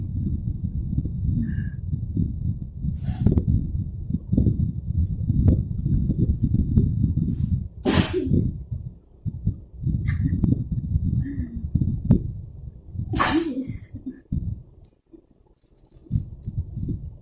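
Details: Three sharp sneezes over loud breathing and sniffing, brought on deliberately by sniffing chiiknii irritant powder during a staged sneezing session; sneeze.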